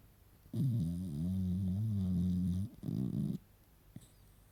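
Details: Sleeping female beagle puppy snoring: a long, buzzing, droning snore, then a shorter rough one.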